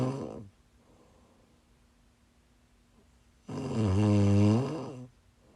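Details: A quiet pause, then one long, loud, rattling inhaled snore in a small room; snoring from a person who is sick, recorded during a live stream.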